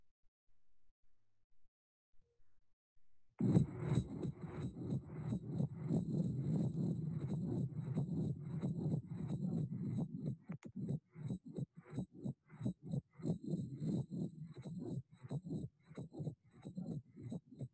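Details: Steady heart sounds near 90 a minute with a low blowing systolic murmur of tricuspid regurgitation, loudest at the lower left sternal border and increasing with inspiration.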